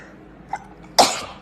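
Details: A single sharp, hissing sneeze after a small catch of breath, from a compilation of BLACKPINK members sneezing.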